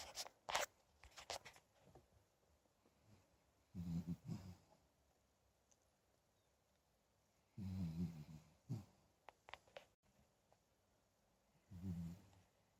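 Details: Pet pup snoring like an old man: low rattling snores about every four seconds with rustling in a quiet room.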